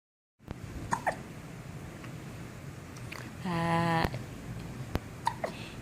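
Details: Several short, sharp gulping hiccups, irregularly spaced, with a brief voiced sound in the middle, in a quiet room; hiccups.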